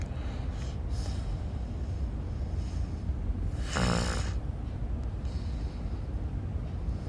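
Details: Low rumbling breathing with one loud rattling snore-snort in the middle: snoring.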